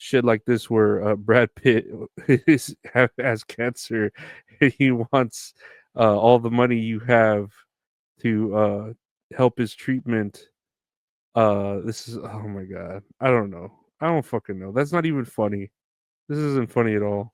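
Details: Adult man speaking; normal speech.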